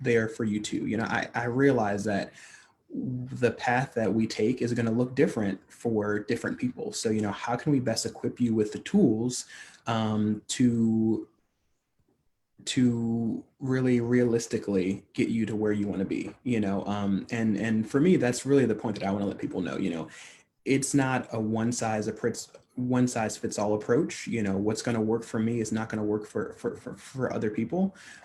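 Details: Adult man who stutters, a stuttering-advocacy leader, speaking on a podcast; stuttering.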